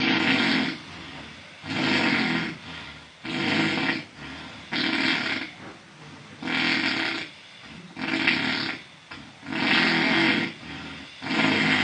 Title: Bro snoring and farting at the same time💀#druski